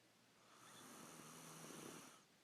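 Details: Profuse snoring during sleep: a single soft, rattling snore on one breath in a quiet room.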